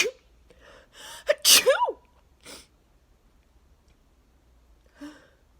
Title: Thank my neighbors for cutting their grass today - sneeze fit plus nose blowing | 34 sneezes